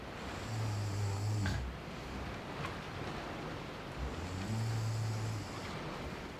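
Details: Two low, rumbling snores on inhalation from a loved one sleeping nearby, over steady rain on a skylight with furious scribbling and page turning, in an ASMR ambient sound collage; ordinary snoring.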